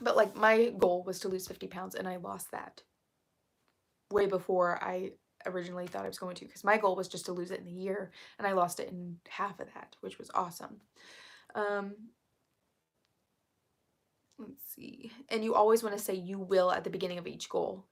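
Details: Woman who reports currently having really bad vocal fry, which she attributes to speaking quietly on purpose; vocal fry.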